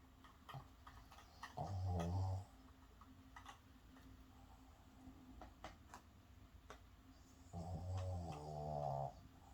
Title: Snoring